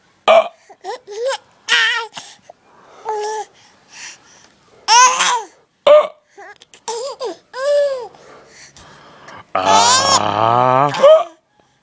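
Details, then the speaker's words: Infant hiccups: short abrupt voiced catches among babbling while others laugh in background; normal infant hiccups. "What? What? Are my hiccups not funny anymore?"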